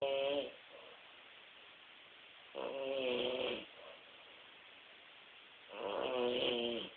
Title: doesnt snore!.3gp